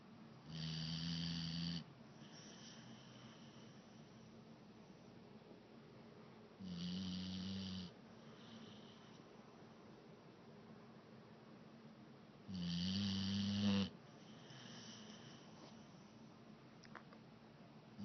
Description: Pitbull snoring louder than grandma!